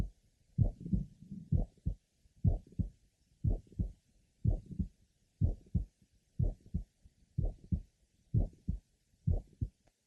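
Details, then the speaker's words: Mitral valve prolapse heard at the apex in a patient with palpitations from premature beats and a past episode of paroxysmal atrial tachycardia; heartbeat near 62/min with late systolic clicks in the last half of systole, which are occasionally not detected. "she has syy Clicks in the last half of Cy although these clicks are usually present occasionally they are not detected"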